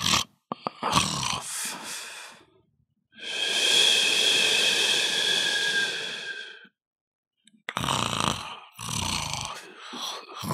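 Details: Sound effect of people snoring: a long, harsh, rattling inward breath lasting about three seconds, between shorter snorts and breathy noises; snoring.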